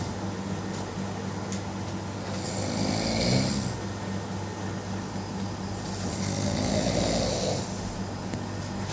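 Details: Loud, heavy snoring: two rough snores about four seconds apart over a steady low hum.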